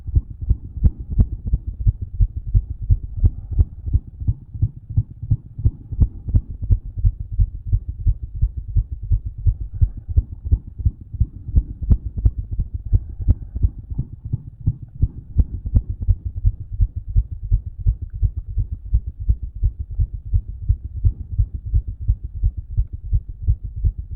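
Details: Own heart heard through a stethoscope after exercise, strong, fast and regular, with a louder soft murmur and a faint extra sound near each beat (possible S4) that did not get louder with exercise.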